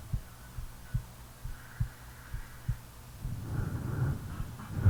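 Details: Real self-recording made while sleeping: regular low heart thumps at about 70 a minute, then a louder low rumbling breath or snore begins and masks them; normal heartbeat.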